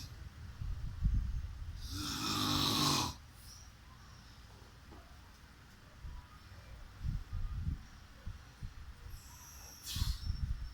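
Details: Single loud, harsh snore on the in-breath, then quieter low breathing and a second snort starting; snoring during sleep.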